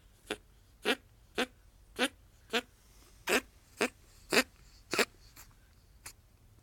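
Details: Female ferret coughing since mid-May, during moulting; owner hopes it is a cold or hair stuck in the bronchi but suspects bronchitis: about ten short, sharp, dry coughs in a quiet room.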